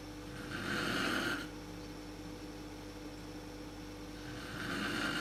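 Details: Sleep snoring by the mother, recorded in the dark on a Canon PowerShot SX130 IS; snoring is worst at sleep onset. A rough, rattling snore on the in-breath, a quiet pause, then the next snore begins over steady room hum.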